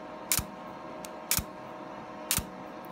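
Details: Laser hair removal device firing: three sharp snapping clicks about a second apart over a steady hum.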